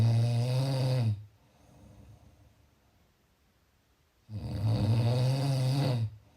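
Two loud, deep, rattling snores about three seconds apart, with quiet breathing between.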